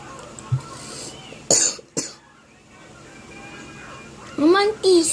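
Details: Two sharp cough bursts from an adult while playing a video game, with game sounds and speech in the background.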